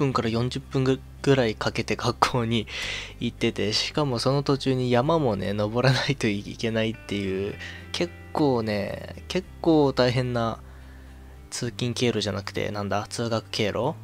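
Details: Stuttering in a man who says his stutter began around age 2, after a sickly, hospitalized early childhood; he attributes its cause to childhood stress.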